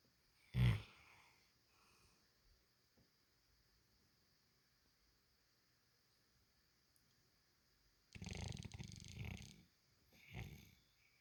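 A short snort, then a long quiet gap, then a rough, rattling snore on the in-breath and a softer one after it; snoring in a quiet room.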